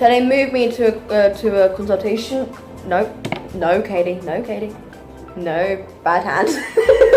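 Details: Woman with Tourette syndrome recovering in hospital after a nine-and-a-half-hour tic attack; speech shows repeated word and phrase vocal tics; vocal tics (Tourette syndrome).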